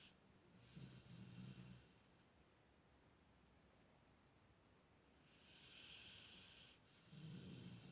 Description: Archie the Golden Retriever fast asleep and snoring!